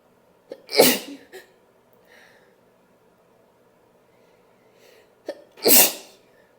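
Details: Woman sneezing powerfully: two forceful sneezes, each with a short sharp intake of breath before the burst.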